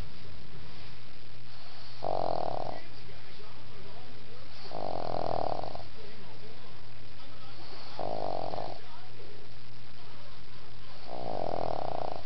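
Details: Sleeping dog lying between its owner's legs snores in regular rumbling bursts, about 20 per minute, over a steady low hum.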